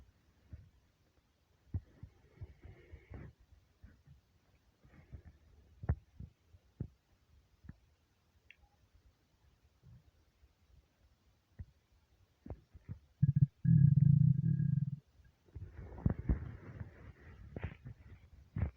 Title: starving stomach rumbles